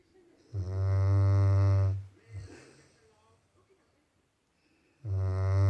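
A long, deep, buzzing snore on the in-breath, a quiet snort and pause, then the next snore starting; loud snoring from a sleeping dog.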